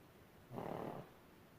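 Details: Sleeping pug, tagged as a puppy: a single low, rumbling snort on breathing in, a snore.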